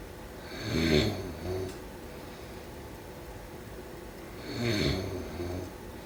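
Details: Two rough, snorting snores about four seconds apart, with quiet breathing between them, during sleep: snoring.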